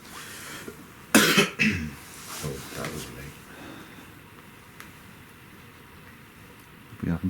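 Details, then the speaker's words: Adult struggling to shake off a chest infection gives a short run of harsh, forceful coughs, then one more cough later. "I know I apologize guys you can hear in my voice I'm just struggling to shake off a chest infection but I'm still here doing this for you"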